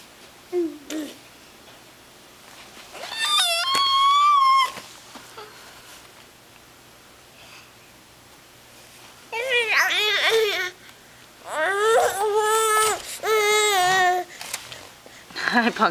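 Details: Bursts of high, wavering crying from an infant in a playpen, separated by quiet pauses, with an adult voice nearby: infant cry.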